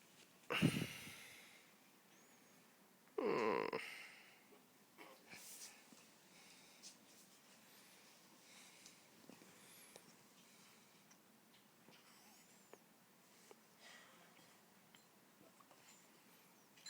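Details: Pet named Yeona sneezing: two short, sharp sneezes from a small pet, followed by quiet sniffing and soft rustling.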